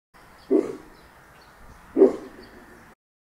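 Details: Border collie–Australian shepherd mix dog, tired after a hike, asleep in owner's arms by a campfire in Kodachrome Basin State Park, Utah, snoring; two soft snorting breaths about 1.5 seconds apart.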